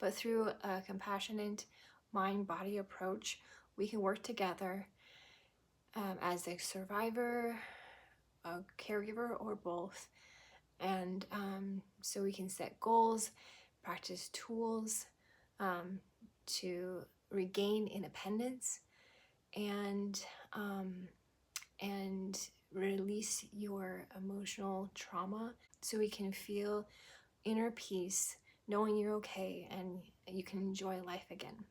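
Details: Adult woman who had a stroke at 18, 25 years ago, causing global aphasia (Broca's plus Wernicke's) with right-sided paralysis, now recovered to residual anomic aphasia with word-finding pauses, verb tense and preposition errors, fillers and repetitions; residual anomic aphasia.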